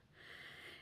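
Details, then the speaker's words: Sleeping pitbull–Labrador mix dog lying beside owner, snoring loudly; a single brief, airy, hissing breath with little low rumble, in a quiet room. "and I'm so sorry if you can hear my dog snoring he's laying right next to me and he is snoring so loud if you guys have pitbulls you know what I'm saying he is a Pitbull mixed with the lab so he does snore pretty loud"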